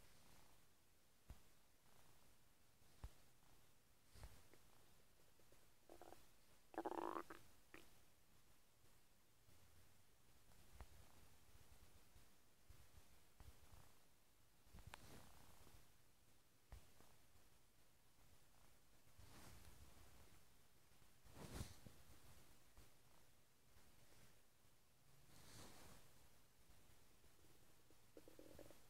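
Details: Irregular gurgles, squelches and low croaking rumbles from a person's stomach, likened to a frog: ordinary bowel sounds of gas and fluid moving.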